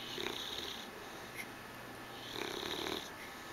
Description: Our English Bulldog "Hungry" sleeping on the couch and snoring, with her tongue hanging out.